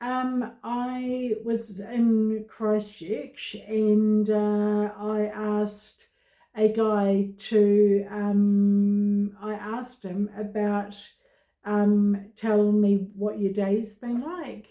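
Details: Adult woman with aphasia after a stroke about 16 years ago, with difficulty getting words out and trouble understanding fast talkers; aphasia.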